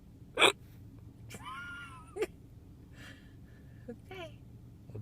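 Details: Hiccups after wisdom tooth removal, in someone who remembers nothing of it: sharp, abrupt voiced catches of breath a few seconds apart over quiet room noise.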